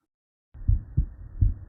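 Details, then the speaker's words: Reference recording of normal S1 and S2 heart sounds, shown for comparison and not from the patient, before listening at the apex for a regurgitant murmur. "this is not our patient this is just a frame of reference to make sure the sound works this is a normal s1 s2"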